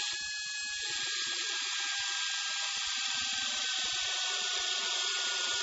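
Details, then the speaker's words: Dental drill with a small round bur: steady high whine with faint grinding as it cuts an access slot at the marginal ridge crest toward caries, conservative class II cavity, distal surface of tooth 25. "You can now see the small round bore used to cut a slot."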